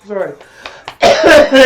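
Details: Adult man who said he was coughing on purpose: a brief voiced sound, then two loud, harsh coughs close together; cough.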